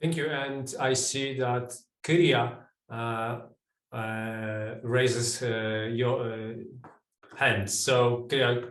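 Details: Adult male speaker; typical voice.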